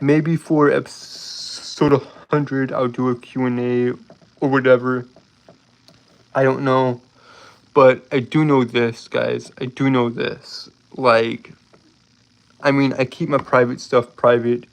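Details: Adult man with a lifelong speech impediment he calls a disability, speaking with a slight southern accent; stuttering.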